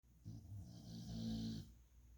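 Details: One low, buzzing snore on the in-breath, lasting over a second, from a sleeping animal: snoring.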